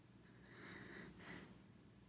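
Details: Sleeping corgi dog snoring: one quiet, snuffling nasal snore against faint room hiss; ordinary sleep snoring.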